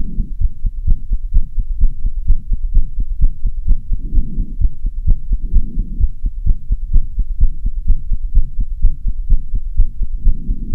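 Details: Fast heartbeat after half an hour of running on stairs, with tiredness and heavy breathing: strong, regular, rapid thumping at about 128 beats a minute.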